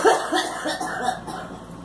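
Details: A girl gives a quick run of about four short, voiced coughs, each fading more than the last.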